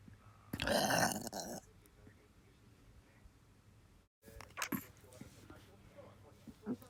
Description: I can’t stop burping.